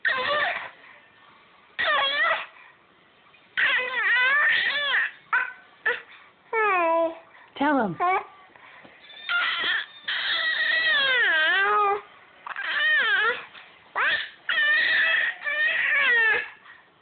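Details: Repeated bursts of fussy, wavering crying with short pauses from an infant upset by hiccups; infant cry.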